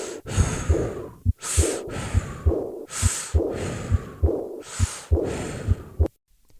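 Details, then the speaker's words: Simulated aortic regurgitation at about 68/min: a high-pitched, blowing, decrescendo diastolic murmur at the left sternal border, hidden by loud breath sounds of similar pitch and easier to hear in held expiration. "this murmur has a pitch similar to respiratory sounds and can be overlooked unless the clinician listens to the patient in held expiration notice how much easier it is to hear this murmur with held expiration"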